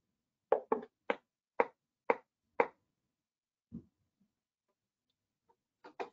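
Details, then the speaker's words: Repetitive nerve stimulation on the facial muscles (nasalis response): sharp clicks in quick succession, about two per second, then a brief pause; a stimulus train of shocks during electrodiagnostic testing. "okay so we're going to give four shocks here and they look good 0.5 actually um increase here comes another four zero"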